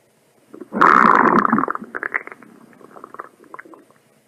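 A loud gurgling rumble followed by a run of softer bubbling pops, typical of stomach or bowel rumbling; sound-effect recording.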